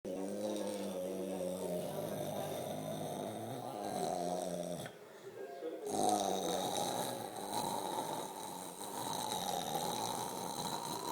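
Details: Loud, drawn-out, croaky snoring from an adult asleep on a couch, then more croaking "gecko" noises and sleep talking; a nightly habit that began three months ago; snoring with sleep vocalizations.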